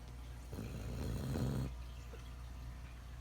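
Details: Puppy sleeping: a single low, rumbling snore on an in-breath, with quiet room noise before and after; dog snoring.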